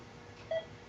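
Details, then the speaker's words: Pulse oximeter beep: a single clear electronic beep demonstrated in a lecture on auditory displays. Each beep marks a heartbeat, and the tone's pitch conveys blood oxygen saturation, dropping as oxygenation falls. "you're also going to be able to tell if the person is getting the oxygen that they need because the tone the pitch of the tone is uh conveying how much oxygen is in the blood the saturation of oxygen in the blood"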